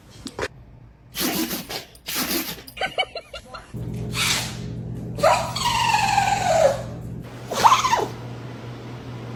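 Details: Several dogs sneezing in a comedy compilation: short, sharp nasal bursts ranging from soft little puffs to forceful full sneezes, with background music.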